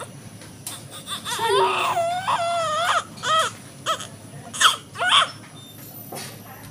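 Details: Newborn girl weighing 4.8 kg, just after birth in a hospital in India (described as both normal delivery and LSCS): short, bleating first cries over equipment hum.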